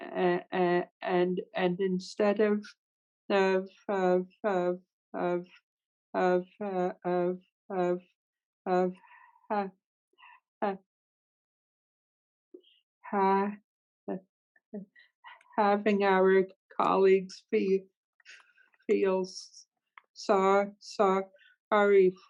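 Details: Adult woman who stutters, speaking in a webinar with sound and part-word repetitions; stuttering.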